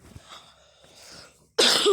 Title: maaf kalo saya batuk terus ya, ya tapi kalian harus instal dah di play store dan ketik hyper drift